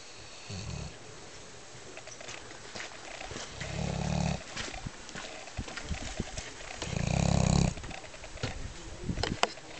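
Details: A sleeping animal snoring at the Curmătura mountain hut in Piatra Craiului: three deep, rumbling snores in about ten seconds, roughly 19 a minute, with faint clicks and room noise between them.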